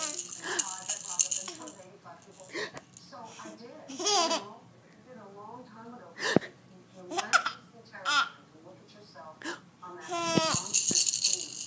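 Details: Baby laughing at mommy behind the camera: infant babbling and laughter broken by short, sharp hiccups, with a toy rattle shaking in the background.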